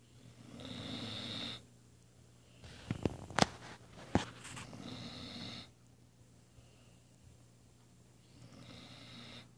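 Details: Weimaraner snoring while napping after a morning workout.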